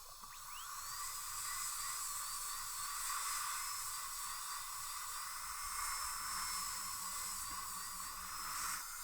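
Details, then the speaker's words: Continuous high-pitched whine with hiss, wavering in pitch, as a high-speed dental drill takes a little off an adult woman's tooth during Lumineers veneer preparation, working on the right cuspid; dental drill. "okay they don't look like the same teeth do they I'm going to take a little bit off here open"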